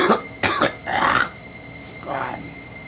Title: Me coughing me coughing